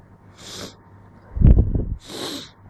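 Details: Natural sneeze false start during a cold: two soft hissing breaths around a low rumbling snort, like a sneeze that does not fully come out.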